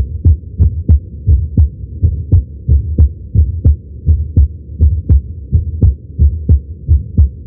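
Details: Heartbeat recorded with a Stemoscope electronic stethoscope at the tricuspid area while lying prone during chest pain: clear paired heart sounds near 87 beats a minute, fairly regular.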